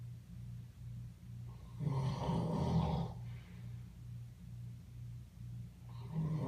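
Low, rumbling snore with a fast fluttering rattle, swelling louder on one longer breath, from a sleeping animal.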